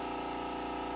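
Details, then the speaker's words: Steady pump hum with rapid fine pulsing from a Dermaglow II microdermabrasion machine at low intensity during passes over a client's skin until it is evenly pink; microdermabrasion machine running. "i usually like to try and do anywhere from three to four passes on the skin not necessarily reading what is on my gauge i pay attention to what the skin is telling me"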